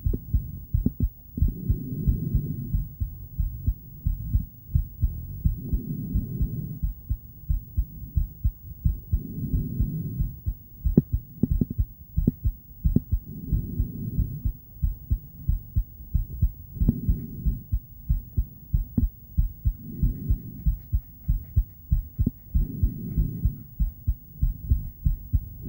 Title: Female heart, ultrasonic device, heartbeat sound